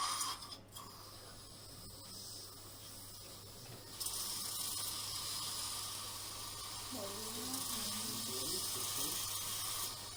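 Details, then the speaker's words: Live anterior immediate implant surgery, flapless, with pin guide: pilot drill then switching to a 2.5 twist drill for more cutting: steady high-pitched drill whine with a low hum and faint background voices. "so at this point um dr young is using um pilot drill in order to make first hole so it's um switching to the twist um 2.5 on london drill for more cutting action"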